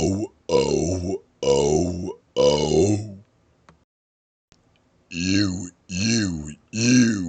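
Seven loud, deliberate burps, each voiced and shaped into a drawn-out vowel sound.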